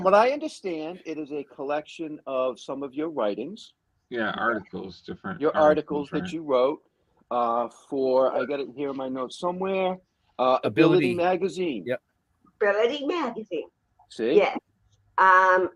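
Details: Adult speaker in interview; normal conversational speech.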